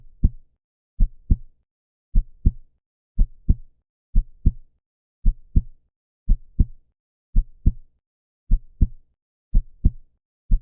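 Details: Steady, regular lub-dub heartbeat at about 58 beats a minute, with clear paired thumps and no other sounds: heartbeat.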